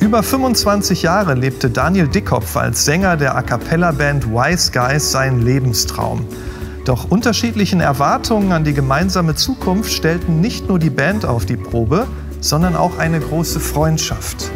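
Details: Adult male narrator; typical speech.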